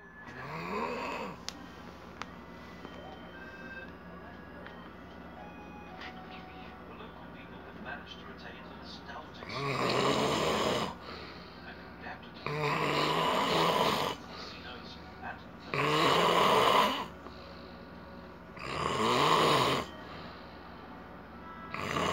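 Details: Adult man snoring loudly due to sleep apnea: loud, rough snoring at about 20 breaths a minute after a quiet spell.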